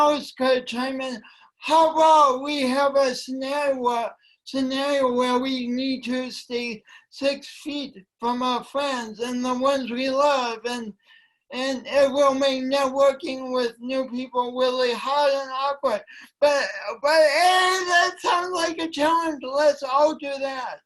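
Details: Speech impediment in a woman; she says it affects her voice and coordination and that she tried to deny it for years.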